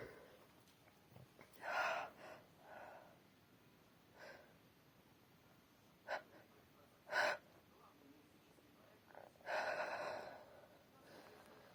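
Several wet, forceful sneezes with sharp intakes of breath before them, muffled into a tissue.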